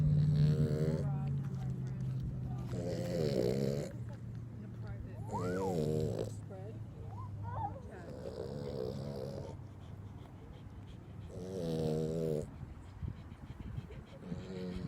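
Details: Loud, buzzing snores in repeated breaths, roughly every three seconds, from Dora, a 15-year-old dachshund, sleeping on her owner's lap at a dog park; snoring.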